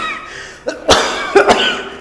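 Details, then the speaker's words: Doctor imitates the cough of chronic obstructive pulmonary disease (COPD), typical of smokers or people over 50, with difficulty breathing: a few thin, weak coughs with breathy effort. "associated with difficulty in breathing like this it may be an indication of a chronic obstructive pulmonary disease or COPD this kind of cough is usually seen in elderly people who are above the age of 50 or who have excessive smoking habit"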